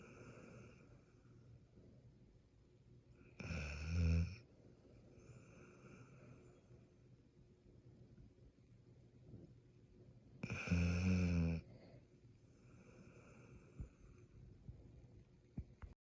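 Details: Kelpie dog, deep rumbling snores about every seven seconds, each lasting about a second, with softer breath sounds between in a quiet room; snoring.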